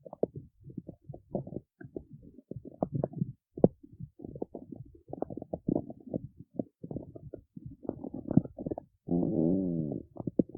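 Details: Stomach growling (borborygmi) recorded in the city: irregular gurgling, bubbling rumbles with brief gaps, ending in a longer squeaky groan.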